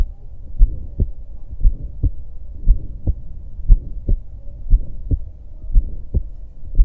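Regular heartbeat near 57 a minute, with a harsh murmur between the first and second sounds: an aortic stenosis murmur.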